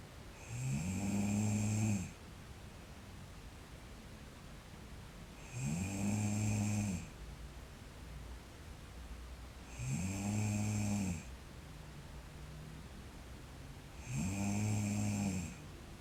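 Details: A girl sleeping and snoring: regular low buzzing snores on each inward breath, about 14 a minute, with quiet pauses between; ordinary snoring.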